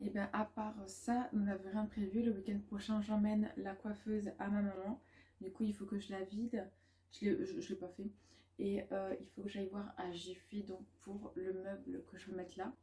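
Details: Woman (student, mother) who stutters; she says background noise such as loud machines, children or music worsens it and blocks her speech; she calls it a probably permanent brain dysfunction and is considering a speech therapist assessment; stuttering.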